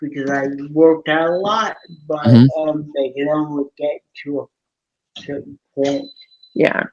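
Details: Adult man born with cerebral palsy from lack of oxygen at birth, uses a wheelchair with reduced motor function, self-rated CP severity about 5–7 of 10, with a big speech impediment hard to understand especially by phone; dysarthria (cerebral palsy).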